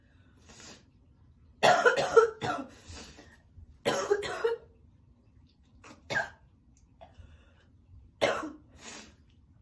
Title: girl coughing a lot ♥️ sick and spitting